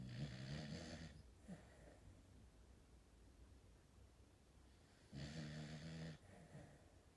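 Two rough, low, buzzing snores on breathing in, with a quiet pause between them; ordinary animal snoring.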